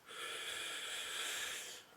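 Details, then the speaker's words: Metered-dose rescue inhaler for asthma, shaken and fired into a spacer: a hissing puff lasting under two seconds, followed by a short wait before a slow, deep breath in and breath hold, showing correct technique. "so shake it up personally breathing put it in your mouth squirt it wait a second and then"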